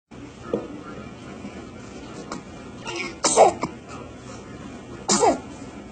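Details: An infant sneezes twice, short and sharp, with faint soft cooing between the sneezes over a quiet room background; recorded September 2022.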